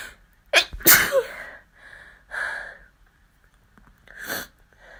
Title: Sneezing fit